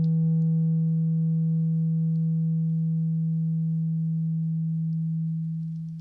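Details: Simulated ASMR roleplay ear exam with a hearing test on one ear, eyes closed, reporting when the sound stops, possibly using a tuning fork: a steady low pure tone held several seconds, then fading.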